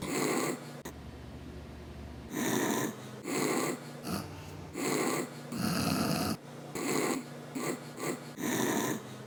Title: my dads snores